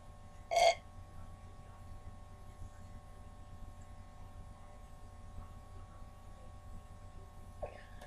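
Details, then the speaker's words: Girl doing a burping challenge after drinking Coke: a single short loud burp, then quiet room noise; burping. "Okay, so this is my Coke, alright, and I have to drink it all and then do my best burp."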